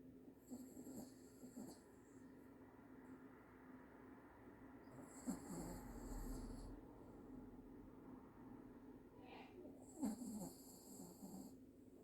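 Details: Dog snoring very loudly while asleep: loud, whistling snores on each breath, about 12 a minute, with quiet room noise between them; dog snoring.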